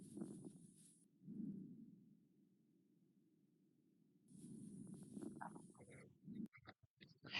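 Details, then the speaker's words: Fine dry velcro-like crackles late in inspiration through a stethoscope, presented as the auscultation finding of idiopathic pulmonary fibrosis. "También podemos encontrar cianosis, taquipnias y dentro de lo que es la auscultación podemos encontrar crepitantes secos tipo velcro."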